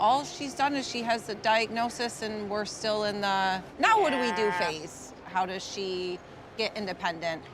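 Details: Adult woman; Normal speech.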